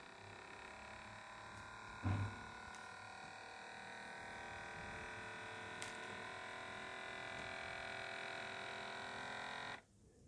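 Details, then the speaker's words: Steady electric pump hum for about ten seconds, then abrupt stop, after pressing start on a fully automatic electronic blood pressure monitor; sound heard as readings rise, none while deflating; normal automatic cuff inflation. "మనకి increase పైకి readings అనేవి ఎక్కువ అలా raise అయ్యేటప్పుడు మనకి sound అనేది వస్తుంది, తగ్గేటప్పుడు sound రాలేదు."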